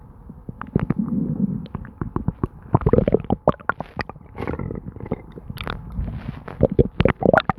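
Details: Continuous bubbling, gurgling and popping stomach noises from an adult, typical borborygmi of gas and fluid moving.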